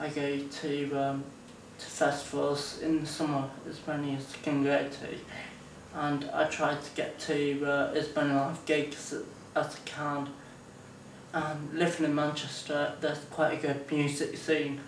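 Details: 24-year-old man with Friedreich's ataxia, diagnosed at 17 with symptoms from about age 13; ataxic dysarthria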